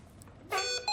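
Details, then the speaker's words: Hamilton T1 ventilator service test on a demonstration lung: oxygen set to 50%, then the oxygen supply is disconnected; quiet room, then an electronic alarm tone sounds abruptly as the low oxygen alarm activates. "Disconnect the oxygen supply and verify that the oxygen concentration displayed in the monitoring window decreases and the low oxygen alarm activates."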